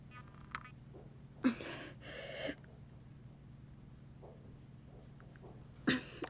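Three abrupt, forceful sneeze- or cough-like bursts in a pause in speech, a simple vocal tic of Tourette syndrome.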